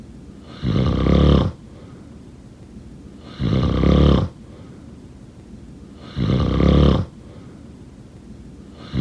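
Loud, low rattling snores on each in-breath, about 22 a minute, with quiet gaps between; ordinary snoring.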